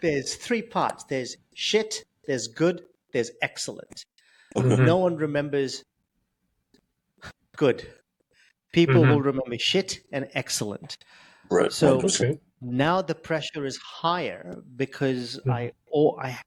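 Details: Adult male who has stuttered since age 10, with blocks, prolongations and repetitions; stuttering.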